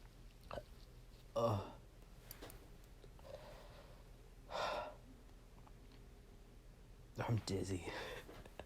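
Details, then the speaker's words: Person sneezing for two days from dust while cleaning, not otherwise allergic; sneezes described as chesty. Three forceful bursts with sharp inhaled lead-ins in a quiet room; a series of sneezes. "something about the dust that i've been cleaning uh has really just been setting me off and so for the last two days basically i have just been sneezing all over my room"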